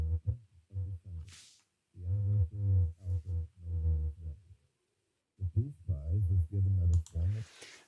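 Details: Simulated severe to profound sensorineural hearing loss with unilateral deafness: male voice reading a passage sounds muffled and low-pitched, crisp consonants missing.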